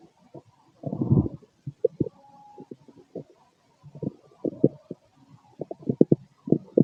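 Low gurgles, a longer rumbling burst and scattered short pops and squelches from the abdomen: ordinary bowel sounds of normal digestion several hours after a meal.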